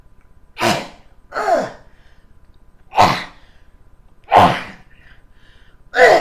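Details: Adult man with Tourette syndrome whose tics sound like coughing; five abrupt, sneeze-like bursts in about six seconds at uneven intervals with quiet between: involuntary vocal tics.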